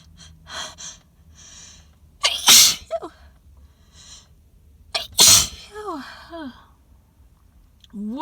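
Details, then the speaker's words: Person sitting in a car in a secluded parking lot near weird plants, after breathing something in there: two loud, forceful, very wet sneezes, each after a short catching breath, with gasping between and a running nose; a sneezing fit. "these are intense i wanted loud and i got it i'll start oh my god my nose is running so bad and these are so wet"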